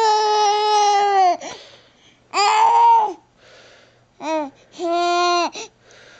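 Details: Infant crying from tummy discomfort, recorded September–October 2009: loud, tonal cries in bursts with gasping breaths between them.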